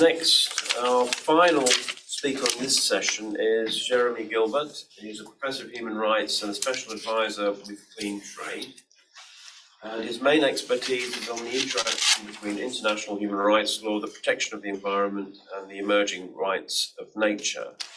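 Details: Adult man speaking; normal speech.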